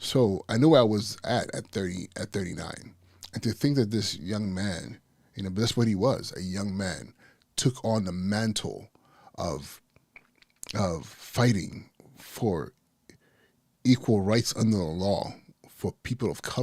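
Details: Adult male podcast host with persistent stuttering that he says never goes away and is not anxiety-related; he warns listeners will catch his stuttering speech patterns. Stuttering.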